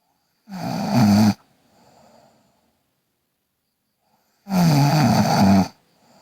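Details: Girl snoring: two long, loud, vibrating inspiratory snores about four seconds apart, each followed by a soft exhale.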